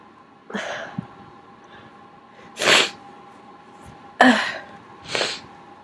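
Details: Self-induced sneezes during a talking recording with a dog nearby: four short, forceful sneezes in under six seconds over a steady room hum.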